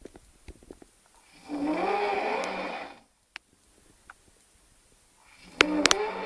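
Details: Drunk man passed out outside the toilet snoring: a long, loud, rasping snore, a silent pause, then another beginning, with scattered clicks and knocks in a small room.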